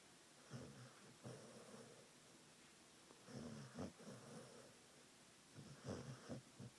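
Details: Sleeping dog dreaming and snoring: soft, irregular snoring breaths with several rasping inhalations against quiet room noise.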